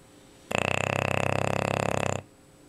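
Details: Female English Bulldog snoring while asleep: one long, loud, rattling snore under two seconds with a rapid buzzing airway flutter, likened to a chainsaw.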